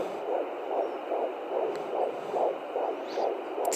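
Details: Fetal heartbeat at 15 weeks 2 days on an at-home Doppler: fast, regular whooshing pulses at about 143 a minute, sounding different from different probe angles as the fetus moves.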